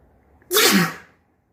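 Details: A single forceful, wet, snotty sneeze with a short sharp burst of air and a falling voiced tail; sneeze.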